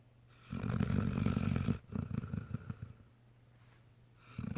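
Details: Great Dane puppy snoring while exhausted after a long day visiting a nursing home: low, fluttering snore on breathing in, then a shorter rattly outbreath and the start of the next snore.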